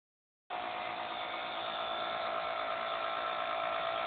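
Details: Steady mechanical buzz and hum of a nebulizer compressor running continuously after a silent start, during a pulmonologist's home breathing treatment for a 1½-year-old girl with a month-long cough.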